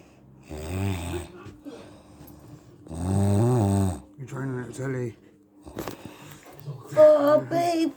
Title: wife snoring God help me